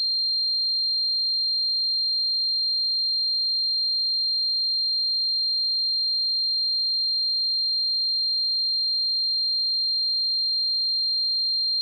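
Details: Simulated tinnitus sound effect: a steady, unchanging high-pitched tone, imitating the ringing in the ears of tinnitus.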